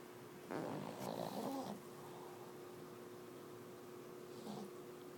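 A rough, rattling breath followed by a fainter one over a steady hum: snoring in a sleeping dog.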